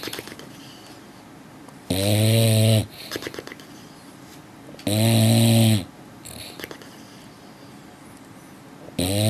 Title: Funny sleepy dog makes crazy noise